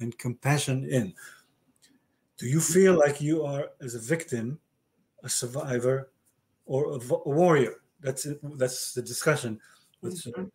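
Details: Male stroke survivor with aphasia following a stroke about 30 years ago, with word-finding difficulty in conversational speech; aphasia.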